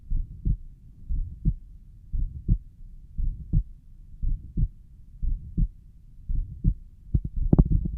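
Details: Self-recorded own heart, suspected systolic murmur at pulmonic valve: slow regular lub-dub about 57/min with a soft low whoosh between first and second sounds, possibly a mid-systolic murmur.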